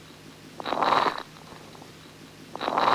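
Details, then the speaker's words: Fine, high-pitched late inspiratory crackles over soft, low-pitched vesicular breath sounds with expiration largely inaudible, in a teaching example; the late timing is hard to pick out because the underlying breath sound is so soft. Described as typical of pulmonary fibrosis. "these sounds are laid in inspiration they are fine and high pitched"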